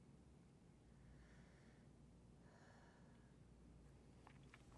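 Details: Normal breath sounds heard by stethoscope over the lower lung fields during a pulmonary exam, with the patient's shoulders back, taking full breaths in and out through the mouth.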